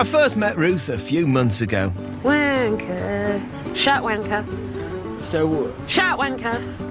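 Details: Woman with Tourette's who finds it very difficult to control, repeating 'nuts' involuntarily; Tourette syndrome vocal tics (coprolalia).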